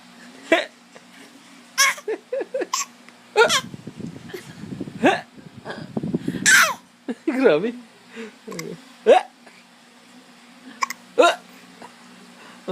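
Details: A person with hiccups, one hiccup heard; hiccups.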